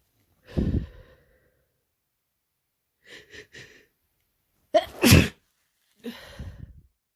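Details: Non-binary person with a common cold for two days, self-described as highly contagious: a sneeze, short breathy catches, then two more forceful wet sneezes; increasingly desperate repeated sneezing.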